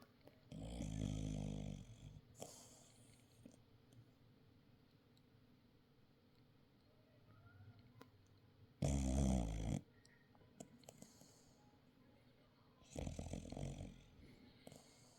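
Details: Sleeping dog snoring: three rough, buzzing snores spaced several seconds apart, with quiet breathing between; snoring.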